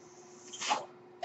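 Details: The speaker's own mechanical ventilator, noted during a recorded podcast: steady low mechanical running hum with a brief breathy whoosh of air partway through as a breath is delivered.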